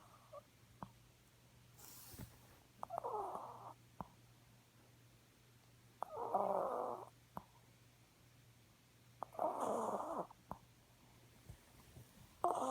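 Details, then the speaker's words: 6-year-old blue chihuahua snoring: three soft, rattly snores about 3 seconds apart with quiet clicks between, over a steady low room hum. "Fucking dog is snoring."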